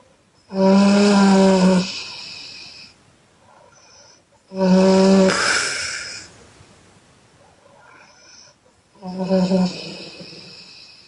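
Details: Female snoring loudly on exhale: voiced snores with a strong buzzing tone, about 15 a minute, each trailing into a softer exhale.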